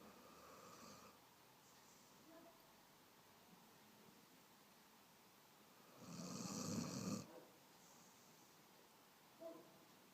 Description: Cute dog (...cute...ok...usually it is...) sleeping and snoring.